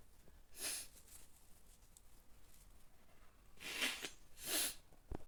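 Three sharp, hissing bursts of sneezing and nose blowing in a quiet small room.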